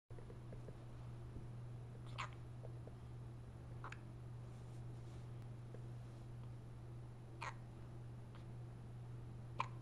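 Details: Hiccups: four brief, sharp hiccups over about ten seconds against a steady background hum.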